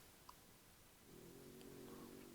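A low, droning, machine-like snore from a resting dog rises out of quiet room noise.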